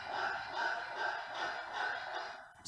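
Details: A brachycephalic dog makes rapid, loud, harsh rasping breaths with a snoring, snorting quality on each cycle, followed by a brief voice. These are severe obstructive airway noises, grade 3 on the BOAS respiratory functional grading scheme.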